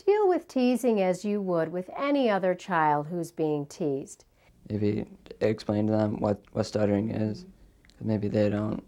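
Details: Adult speakers, apparently a higher voice followed by a lower one; normal speech.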